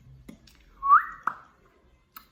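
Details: An 18-year-old with Tourette syndrome, considered severe and limiting and diagnosed late, makes a brief, sudden rising whistle in a quiet pause: a whistling vocal tic.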